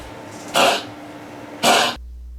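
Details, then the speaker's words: Dog with two short, moist, mucousy coughs and no gag at the end, unlike kennel cough; could be canine asthma or a heart cough. "so this one you can um can be asthma in dogs or it can be a heart cough so I thought I'd throw that in there to just show you what that might sound"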